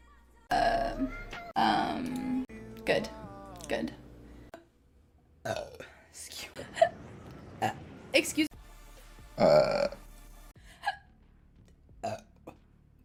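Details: Burping compilation: several loud, drawn-out voiced belches in a row, with brief talk and music between them.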